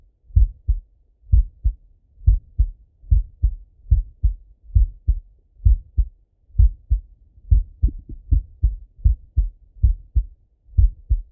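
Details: Male heartbeat auscultated with stethoscope while lying on his left side: regular paired lub-dub heart sounds, about 65 beats a minute, normal heart sounds.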